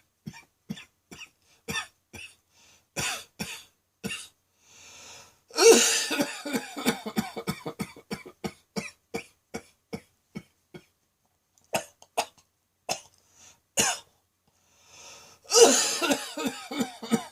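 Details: Adult's prolonged midday coughing fit, self-described as nearly coughing up a lung and sounding like a heavy smoker: long run of rapid, forceful coughs in volleys with deep, noisy gasping breaths between.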